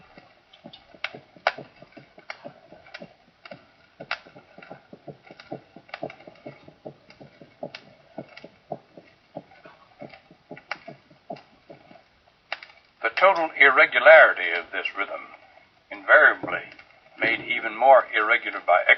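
Rapid heartbeats, roughly 150 a minute, with no regular pattern, followed by a voice; an irregularly irregular rhythm of atrial fibrillation.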